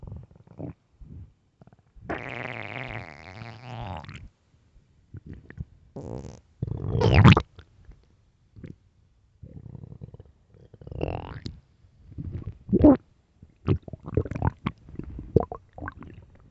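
Long low gurgling rumbles and bubbling pops from the belly; ordinary stomach growling, a normal digestive sound.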